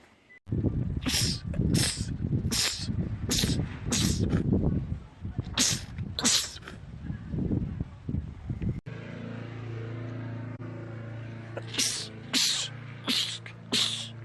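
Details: Male sneezer, part of a compilation of rapid sneezing attacks: quick runs of sharp, explosive sneezes, about a dozen in total, in close succession, repeated sneezing attacks.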